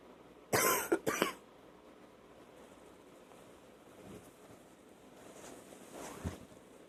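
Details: Night-time cough that wakes the person, bringing up and spitting out phlegm: two loud, rough cough bursts in close succession, then a quiet room with a faint brief sound near the end; wet cough.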